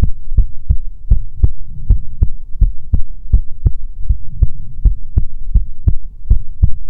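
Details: ASMR heartbeat recording: steady, deep lub-dub heartbeat at about 80 beats a minute with a low hum underneath.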